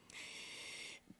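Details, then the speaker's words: Stridor from an adult with a disease causing subglottic airway narrowing just below the vocal cords; tracheal resection discussed. "no it's a disease it closes off your airway what about your vocal well mine is subglottic so it's just below the vocal chords"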